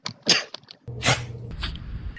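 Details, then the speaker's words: Several quick, sharp sneezes in a row, the last over a low steady hum; part of a compilation of 21 sneezes from cats, dogs, gophers, news anchors and people, including two on-air sneezes. "I didn't include any Nick sneezes because Nick, your sneezes sound like coughs. >> Right >> here they are. 21 sneeze salute."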